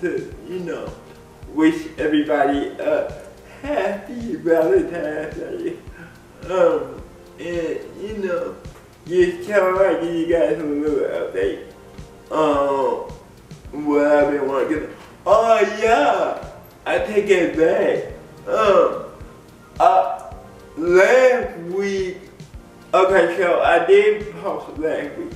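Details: Adult man with cerebral palsy speaking in a video blog; dysarthric speech (cerebral palsy).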